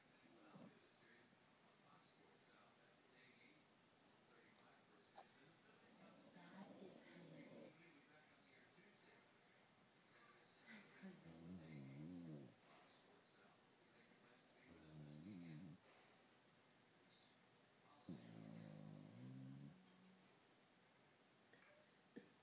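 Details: Light snoring from an 11-year-old bulldog lying asleep: soft, short fluttering snorts repeating every few seconds over quiet room noise.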